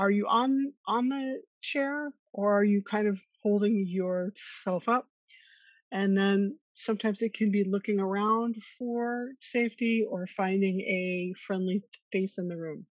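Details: Stuttering in an adult woman who has stuttered since childhood, attended speech therapy growing up, and discloses her stuttering in job interviews; she co-hosts a webinar on workplace stress and anxiety for people who stutter.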